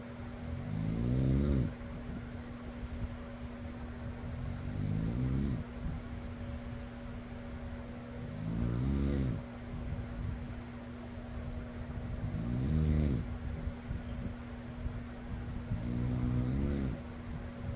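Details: Person snoring: loud, low, rattling snores about every four seconds, roughly 15 a minute, over a steady fan hum; snoring.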